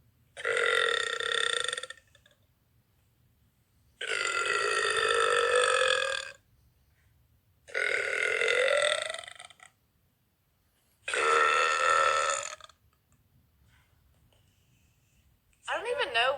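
Four long, loud, drawn-out burps, each lasting about two seconds with pauses between, followed by the start of a fifth.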